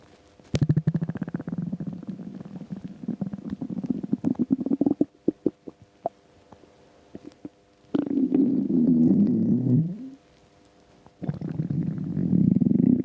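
Rapid gurgling, rattling rumbles and low sustained growls from an empty stomach; ordinary hunger rumbling of the gut.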